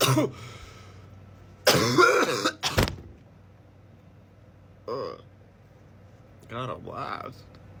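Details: Adult coughing after inhaling vapour (a "blinker") while trying to sing Santeria: harsh coughing and throat-clearing bursts break up brief voiced singing in a quiet room.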